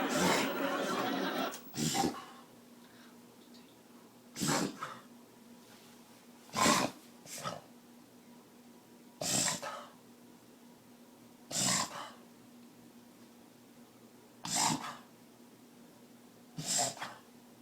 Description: 3 year old Beagle reverse sneeze